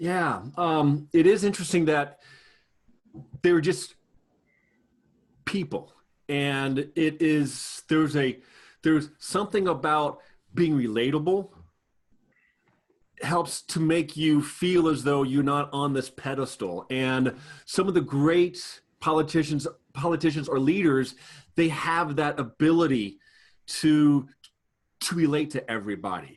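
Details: Adult man with a lifelong stutter, a person who stutters, speaking in a real conversation: stuttering.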